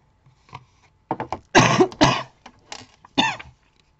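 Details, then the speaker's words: Adult with a cough present for two days: a short run of harsh, explosive coughs with a throat-clearing quality in a quiet small room. "je suis désolé la toux elle est là depuis deux jours je comprends pas ça fait comme cet hiver"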